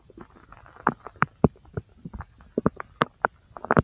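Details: Own abdomen over the large intestine: irregular gurgles, pops and rumbles as gut contents move; ordinary bowel sounds.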